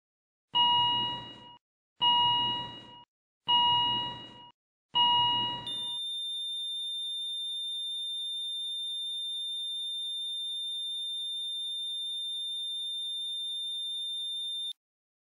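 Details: Simulated animated heart monitor (ECG): four evenly spaced beeps, then one continuous flatline tone.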